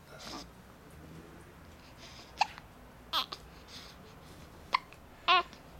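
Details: A baby babbles, broken by several abrupt, sharp catches of breath at irregular intervals while being asked about hiccups; infant hiccups.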